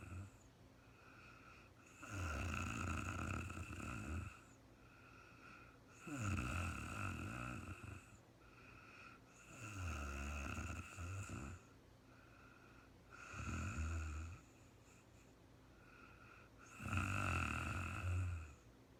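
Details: Woman asleep in real time, snoring: five deep, rattling breaths in nineteen seconds, about 16 a minute, each a low rough vibration.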